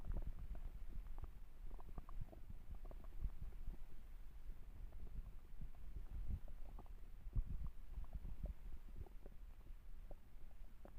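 Low, irregular rumbling and gurgling with scattered pops over a steady low hum: ordinary stomach growling from hunger.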